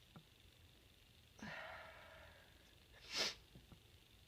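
A drawn-in breath, a quick sniff, then one forceful hissing burst: a single sneeze.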